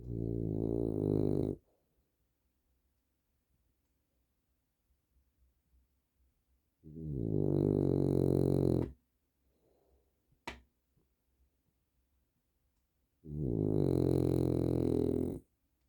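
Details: Three long, loud, groaning snores several seconds apart in a quiet room from a sleeping dog, exhausted after a day of doing nothing, who snores a lot; heavy snoring.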